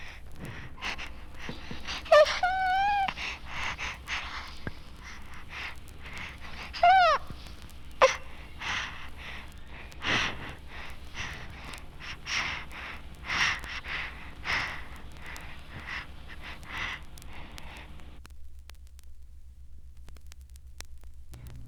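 Rapid, deep, noisy infant breaths with a few brief high-pitched cries over steady hum: Kussmaul breathing of metabolic acidosis.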